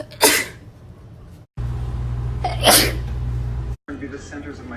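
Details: Sneezing: two separate adult sneezes, each a sudden forceful burst, over a steady low background hum.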